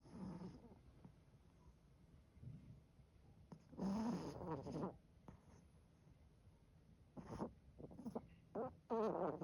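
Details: Toy poodle snoring loudly: irregular snorting rumbles between quiet breaths, with a couple of louder bursts.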